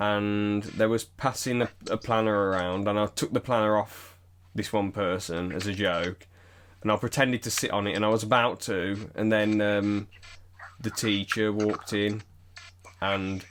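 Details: Adult male speaker; typical speech.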